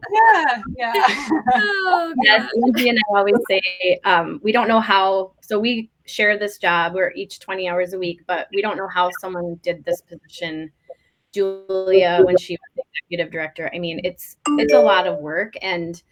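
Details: Adult woman speaking; normal speech.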